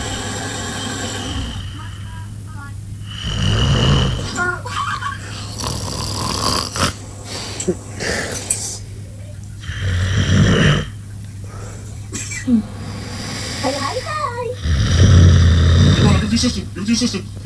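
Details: Sleeping female snoring: loud, low, rattling snores recurring every few seconds, with background speech and noise.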